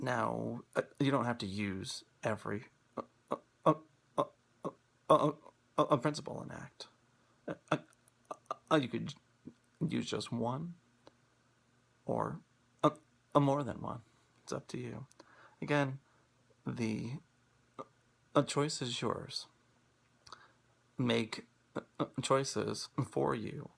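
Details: Person who stutters, speaking on International Stuttering Awareness Day 2016 about acceptance and commitment therapy (ACT) for stuttering; repetitions and block-like pauses; stuttering.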